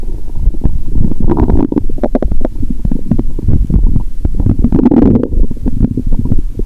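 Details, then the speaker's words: Upper abdomen heard through a stethoscope after drinking cola with Mentos, belly painful: loud continuous gurgling and rumbling with many bubbling pops, active bowel sounds (borborygmi). "Bạn có thể nghe thấy âm thanh khác từ bụng trên"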